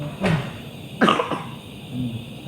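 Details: Two short, loose coughs from a young child with a cough and cold (batuk pilek) during a nebulizer treatment, in a small room.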